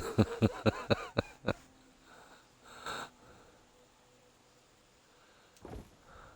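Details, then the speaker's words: Adult who feels very unwell, with a very deep voice, jokingly calls his breathing a death rattle: a rapid string of rough, rattling voiced breath bursts, then quieter noisy breaths. Wheezy, rattly breathing. "the voice sounds very deep that's probably because I'm dying that you probably hear a death rattle"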